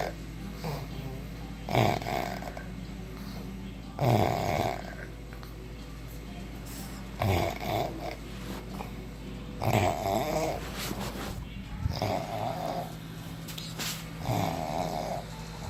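Repeated low rattling snores at irregular intervals, about six in fifteen seconds, over steady room hum; ordinary snoring.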